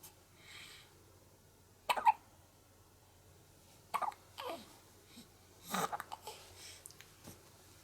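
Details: One-month-old baby girl's hiccups after breastfeeding while fighting drowsiness: sharp, abrupt catches in breathing, about four in eight seconds, with soft sighs and fussing between.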